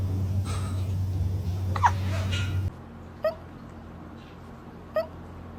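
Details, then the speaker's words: Cat with hiccups after eating too fast: brief, sharp squeaky catches repeating about every two seconds over quiet room noise. "You ate too fast. Do you have the hiccups? Oh, baby."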